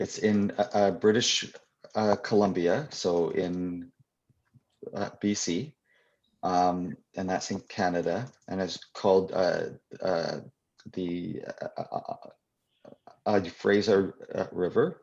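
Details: Adult who stutters, speaking live at a convention for people who stutter; stuttering.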